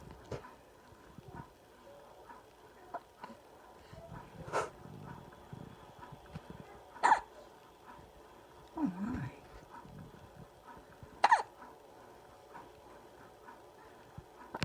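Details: Newborn baby girl with squeaky hiccups: short, squeaky hiccups a few seconds apart over soft room noise; ordinary newborn hiccups.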